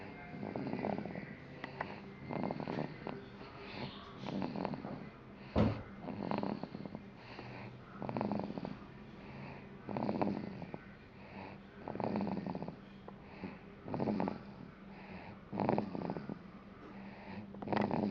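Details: Dog deeply asleep and snoring hard: rhythmic, low, fluttering, rumbling snores at about 30 a minute with audible breathing.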